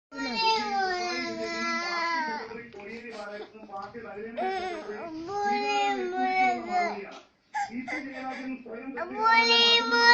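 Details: Loud, wailing infant crying in long, drawn-out bursts with brief catches of breath between them: baby crying.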